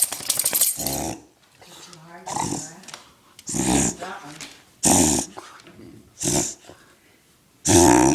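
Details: Dog's reverse sneeze, owner says he sounds like a rhino: loud, harsh snorting gasps pulled in through the nose in repeated bursts about every second.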